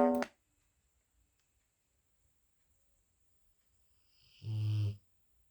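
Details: Dog snoring loudly while its owner tries to work nearby.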